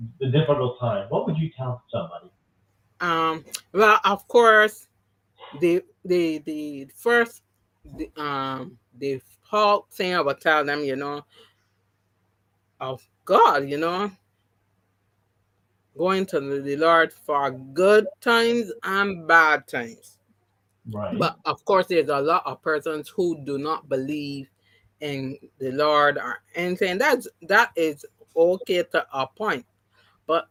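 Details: Adult woman with three strokes (2017, 2018, 2019); the first, haemorrhagic, took her speech and paralysed her right side; she relearned to talk, though some words will never return: aphasia with word-finding difficulty.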